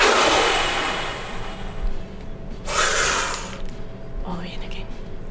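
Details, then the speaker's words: A simulated spirometry blow before a children's hospital lung function test: a loud, rushing forced breath out fading over about 1.5 seconds, then a deep breath in. "And then you'll blow it out really really fast for as long as you can and then a nice big breath in again at the end."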